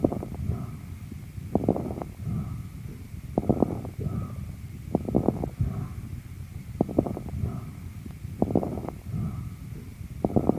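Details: Child's chest through a stethoscope over the affected area in pneumonia, pediatric teaching example: rapid, harsh breath sounds with bursts of crackles.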